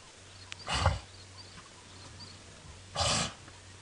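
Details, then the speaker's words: Male lion feeding at a buffalo carcass with something in his nose, sniffing and sneezing: two sharp, forceful nasal bursts about two seconds apart. "What's wrong, Tinyo? You've got something in your nose. You can hear him sniffing and sneezing."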